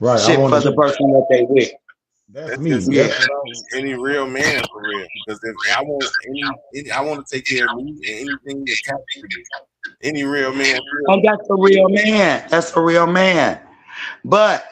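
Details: Adult speaker; Normal speech.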